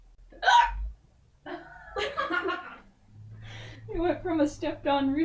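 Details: Unusually odd-sounding hiccups in an adult woman, said to be real, not faked: several sharp, voiced hiccup squeaks within a few seconds, breaking into speech and laughter.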